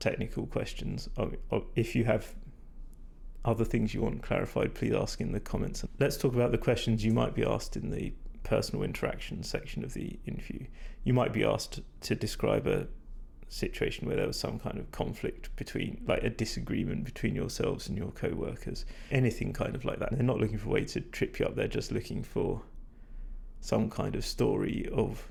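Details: Adult man with vocal fatigue, which he attributes to talking a lot without drinking enough, leaving his voice degraded, stressed and not at its peak.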